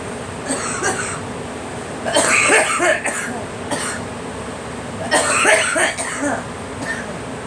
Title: Girl coughing